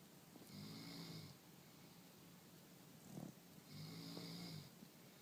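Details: Sleeping corgi snoring: two long, buzzing, tonal snores a few seconds apart, with quieter breathing between them.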